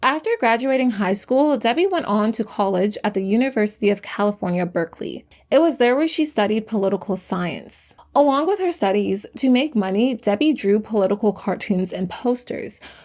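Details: Adult female narrator; Normal speech.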